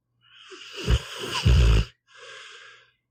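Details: Snoring in a sleeping pit bull dog, audio only: a rattling, snorting snore on the in-breath, then a softer out-breath.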